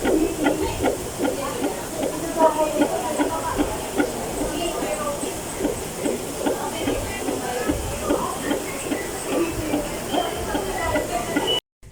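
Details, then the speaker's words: Fetal heartbeat on Doppler during a health-center prenatal checkup for a third baby, heard after the mother lowered her legs to relax her abdomen: fast, rhythmic whooshing pulses, about 150 a minute, through static hiss. "Sinabihan ako ni doktora na ibaba ko yung legs ko para ma-relax daw yung tiyan ko at Ayan na nga't Naririnig na namin ang heartbeat ni"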